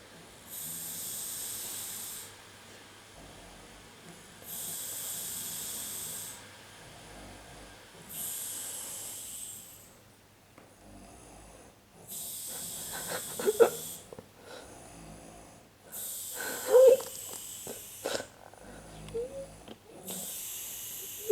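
Repeated hissy, noisy breathing sounds about 18 times a minute, with some snorting pulses in the later breaths; an unusual-sounding snore.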